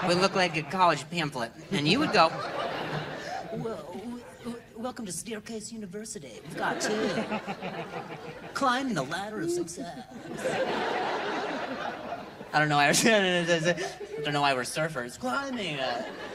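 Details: Adult male comedian with stuttering, performing live stand-up; he says hearing noises in his ear while he talks makes him stutter.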